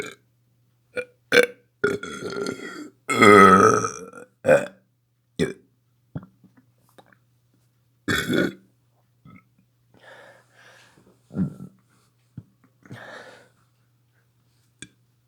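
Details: Ordinary belching: a string of loud, low, gurgling burps of varying length, some drawn out.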